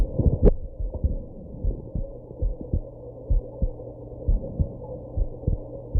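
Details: Heartbeat after drinking alcohol and smoking, with hiccups: low thumps over a steady hum, with a sharp jolt near the start that fits a hiccup; heartbeat with hiccups.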